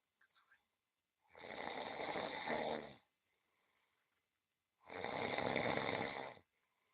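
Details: Cat snoring while relaxed during a massage: two long, rough breathing sounds about three seconds apart, separated by quiet pauses.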